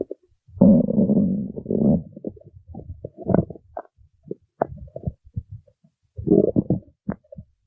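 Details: Stomach growling (borborygmi) from an adult's abdomen: low gurgling rumbles with longer growls and short bubbling pops, a normal sound of gut movement.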